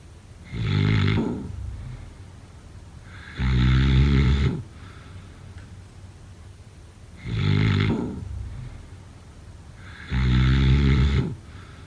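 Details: Snoring during sleep, sound-effect/ASMR recording: four loud rattling inspiratory snores with quiet pauses between, about 19 breaths a minute.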